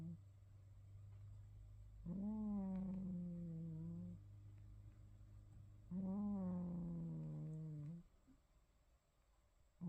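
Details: A sleeping cat snoring softly: two slow, drawn-out, humming breath sounds about four seconds apart.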